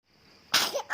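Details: Person with flu and cough: a single sharp cough after a brief quiet lead-in.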